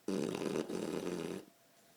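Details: Snoring with paw movement in a sleeping 8-month-old Shar Pei dog: one long, rough, rumbling snore over a second with a brief break, then quiet.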